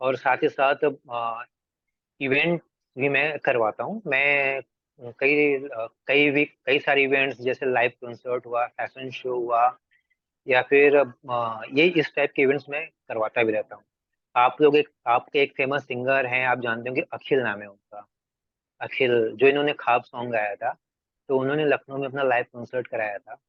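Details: Stuttering (stammering) since about 2007 in an adult male actor, filmmaker and acting coach, speaking Hindi in a real interview.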